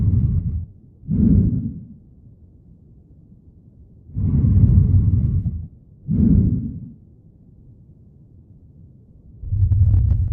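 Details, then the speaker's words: Diminished breath sounds in an ICU teaching recording: faint, muffled, markedly reduced airflow sounds, suggesting air or fluid between lung and chest wall such as pneumothorax or pleural effusion; bilateral reduction may occur with severe bronchospasm or airway obstruction. "Muffled or absent breath sounds. Markedly reduced or inaudible air flow sounds suggest air or fluid between lung and chest wall such as pneumothorax or pleural effusion."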